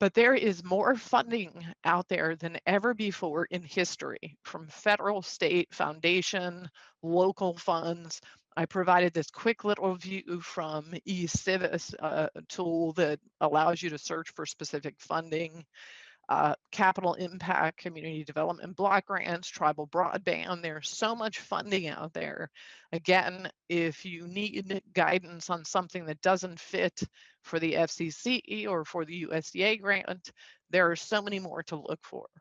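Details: Female adult speaker with spasmodic dysphonia, a neurological vocal cord disorder she says is audible and acts up at times; spasmodic dysphonia.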